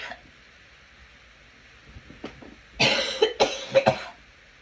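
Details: Girl coughing: a short run of about three loud, harsh coughs after a few quieter throat sounds.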